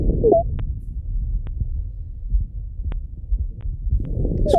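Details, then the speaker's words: Lung auscultation teaching example: brief high-pitched musical chirps over low breath noise, inspiratory squawks (grasnido). "Isso é um grasnido."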